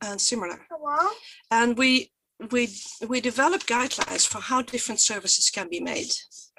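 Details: Stuttering in a Swedish woman who stutters and presents for the Swedish stuttering association; she was photographed during a stuttering block.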